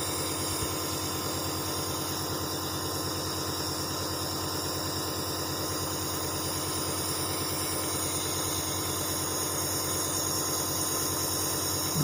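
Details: Dr Trust compressor nebulizer running with medication in the chamber, used via mouthpiece held between the teeth; steady mechanical hum with fast regular pulsing vibration.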